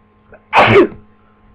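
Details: Person with flu sneezing: one forceful sneeze after a brief intake of breath, with a faint steady hum behind it.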